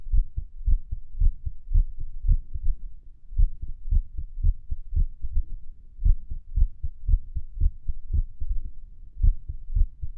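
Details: Own heart recorded at Erb's point while lying on the stomach and listening to favourite music: muffled low thumps at about 115 a minute with uneven spacing between beats, an irregular heartbeat.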